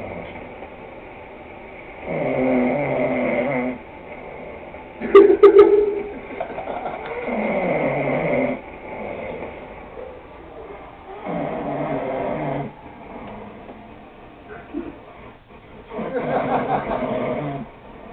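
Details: A person snoring: regular rumbling snores about every 4.5 seconds, roughly 13 a minute, with a brief louder snort partway through.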